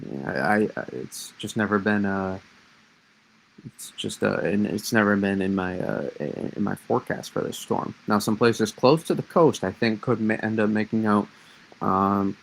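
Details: Stuttering in an adult man who says he has always stuttered and that it worsens when discussing certain topics; part-word and whole-word repetitions.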